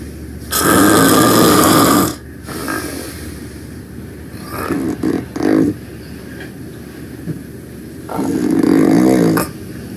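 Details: Loud snoring while taking a nap: harsh snores with smaller snorting breaths between them, in a small room; heavy snoring.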